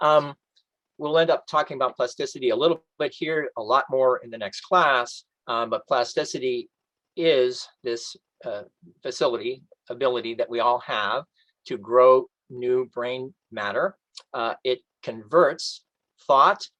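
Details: Adult man with post-stroke aphasia, reading aloud from a book in a self-made recording during a two-year recovery; some stock phrases come out intact, while other words cannot be retrieved or pronounced; aphasia.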